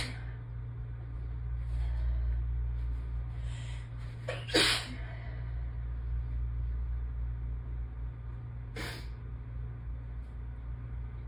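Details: Person having an allergy attack at home, second part, more intense with more buildups toward the end: steady room hum with sharp bursts, including sneezes near the middle and near the end; sneezing.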